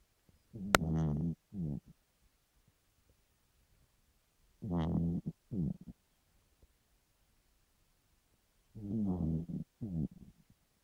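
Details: A Chihuahua snoring in the middle of the night, loud enough to wake its owner: three low, rattling snore bursts, each a longer noisy breath then a shorter one, about 15 a minute.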